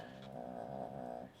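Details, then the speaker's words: A female pet dog asleep gives a single low, rumbling, droning breath: ordinary snoring during sleep. "hear that that's my pup she's snoring in her sleep"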